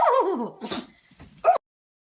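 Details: A dog gives a short whine, then a single quick, sharp nasal sneeze; owner wonders if it has a cold or is excited for a walk.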